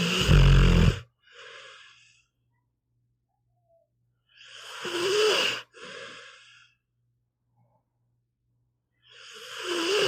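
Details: Pit bull dog sleeping: loud, rumbling snores followed by softer exhaled rasps, recurring about every four seconds; ordinary sleep snoring.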